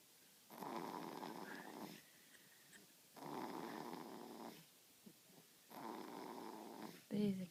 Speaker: Okay, this baby has fallen asleep in his car seat and he is snoring like a little pug.